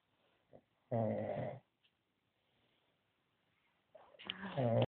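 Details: Two loud, rough, buzzing snores separated by a quiet pause, recorded during a snoring competition; snoring during sleep.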